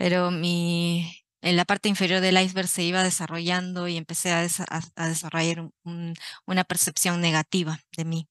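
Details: Adult man, stuttering since age 4, father also stutters, reporting increased core and secondary stuttering behaviors in adulthood; audible word repetitions and fillers; stuttering.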